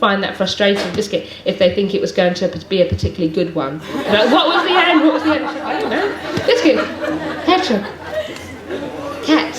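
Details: Adult woman with Tourette syndrome producing frequent involuntary single-word vocal tics that she cannot control, some repeated hundreds of times a day and interrupting her speech.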